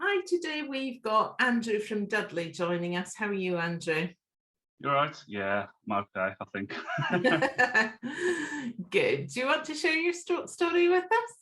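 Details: Adult woman and adult man in conversation; normal speech.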